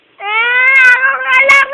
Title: crying baby